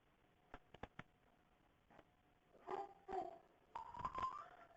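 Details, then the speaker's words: A child with croup gives harsh, barking, seal-like coughs, the typical barking cough of croup. "you hear the bark when they cough that bark that's crew that's what usually scares people"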